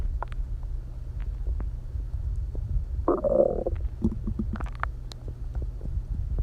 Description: i haven't eaten all day and ugh my stomach is dying